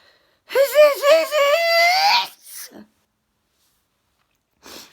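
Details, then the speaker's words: Adult sneezing before bed, who says they never get snotty and just sneeze; a rising, wavering voiced build-up breaks into one sharp sneeze, then a short exhale and a sniff; sneeze. "I'm gonna do this again, just to make sure I'm not snotty. But I'm never snotty. I just sneeze."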